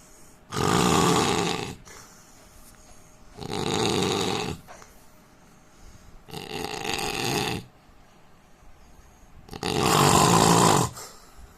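Loud, rough rattling snores on each breath in, four in about eleven seconds, with quiet breaths out between them: heavy snoring.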